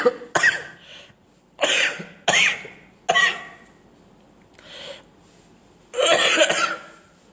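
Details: Someone coughing in an old recording, with humorous dubbing that blames eating too many cakes: about six harsh, forceful coughs with short gaps, some like throat clearing.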